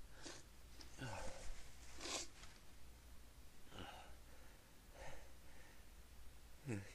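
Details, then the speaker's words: Several muffled, partly stifled sneezes, short bursts of breath through held-back nose and mouth, over low room hum; attempts to stifle them failed. "Oh man, I can't stop. Sneeze."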